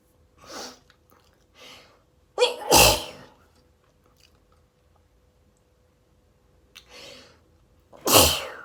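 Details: Allergy-related rapid sneezing fit: soft breathy sneezes building to two loud explosive ones, repeated in a run.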